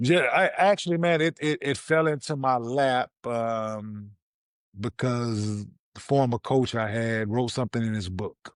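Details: 47-year-old man, former professional basketball player, with stuttering since childhood.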